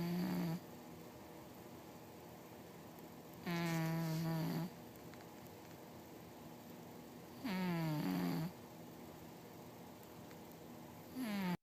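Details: Snoring during sleep, compared in loudness with the air conditioner: regular droning snores, about 16 a minute, each with a slightly falling pitch, over steady room hum.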